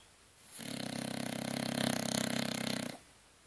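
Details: Bulldog sleeping: a loud rattling snore lasting over two seconds with rapid fluttering vibration through the breath, typical of a flat-faced dog; snoring.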